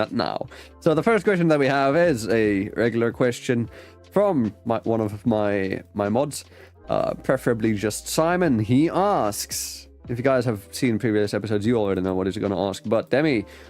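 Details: Adult male speaker; Normal conversational speech.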